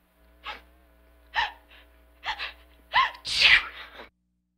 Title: Sneezes Woman sound Effects